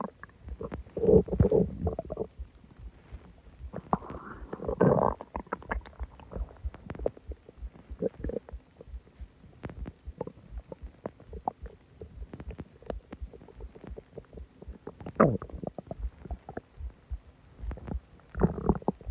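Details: Stomach growling after eating a lot and drinking a soda: loud gurgling, groaning rumbles in bursts with quiet gaps; ordinary borborygmi.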